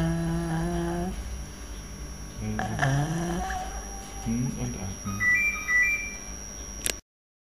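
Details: Sustained vowel /i/ held long during laryngeal videostroboscopy, recorded after treatment of bilateral Reinke's edema.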